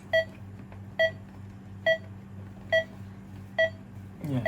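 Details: Pulse oximeter pulse tone from a Primedic DefiMonitor EVO monitor-defibrillator, with the SpO2 sensor placed on a finger.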